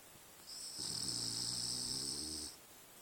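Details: Sleeping French bulldog, tired after a long day in the forest, dreaming and snoring: one drawn-out, buzzing, vibrating snore with a whistling edge, about two seconds long.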